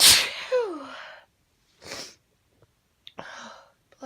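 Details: Female sneezing after sniffing chhinkni for a tickly nose: one loud sneeze with a voiced cry, then two smaller sneezes; a burst of repeated induced sneezing.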